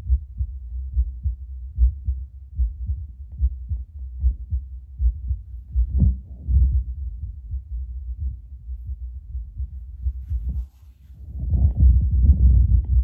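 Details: Own heartbeat at baseline before espresso, via Bluetooth Littmann CORE digital stethoscope played on speaker: steady muffled beat about 75 a minute, rubbing noise toward the end; normal heart sounds.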